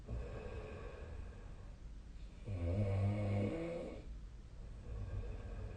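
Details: Sleep snoring recorded with the SnoreLab app on 2025/03/09: a low rumbling snore on an in-breath against steady room noise.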